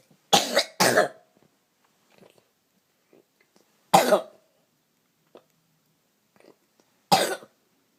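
Four sharp, explosive adult coughs: a quick pair followed by two single coughs, in a quiet room.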